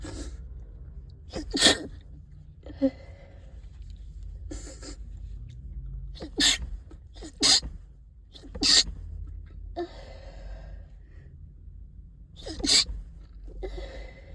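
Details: Several sharp sneezes, some stifled, separated by quiet sniffly breathing with nasal congestion, from someone stuffed up all day; recorded in a closet, thuds are the sneezer's whole-body sneezes hitting the walls; repeated sneezing.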